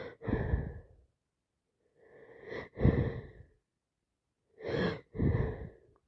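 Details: Adult on day 6 of a worsening head cold with itchy, constantly dripping nose and watery eyes: three forceful sneezes, each preceded by a catch of breath.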